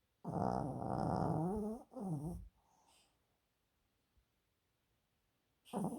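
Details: A sleeping Yorkshire terrier snoring: a long rumbling, rattling snore, a shorter second snore, then quiet breathing before another snore begins.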